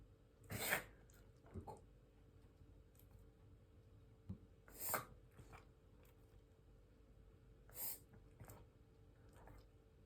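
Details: Shiba Inu dog reverse sneezing: loud snorting bursts with quieter follow-ups in a small room.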